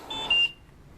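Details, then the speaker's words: Trilogy home ventilator in-service for a patient with very weak muscles: short high-pitched electronic beep, the circuit disconnect low-pressure alarm, which calls for checking the patient before silencing. "the alarms that you will hear on this one is if he comes disconnected it starts it tells you it's low pressure because it's not getting the pressure that he needs"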